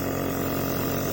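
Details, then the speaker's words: Omron NE-C106 compressor nebulizer running during a use demonstration, mist inhaled through the mouthpiece or mask: steady motor hum with a constant buzzing drone. "Only thing now you need to do is to start this machine. If you can see, the vapors will start coming out of this part, and you have to inhale through this."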